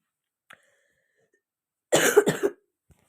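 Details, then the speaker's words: A sick girl, ill for two weeks with a stuffy nose and coughing all night, gives a short burst of two or three harsh coughs after a quiet pause. "Просто не хочу сюда кашлять. Не хочу идти с голосом. Вот. Я кашляю, вы знаете, как я кашляю?"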